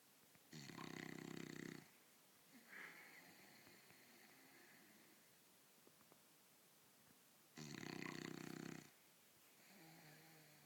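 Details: Pet sleeping in bed like a human, snoring: loud rattling snores about seven seconds apart with quieter breathing between, roughly eight to nine breaths a minute; steady snoring.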